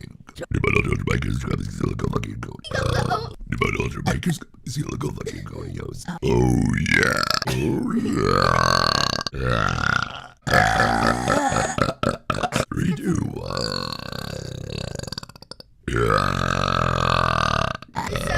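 Long, loud, drawn-out voiced belches, several in a row with short gaps. Repeated burping.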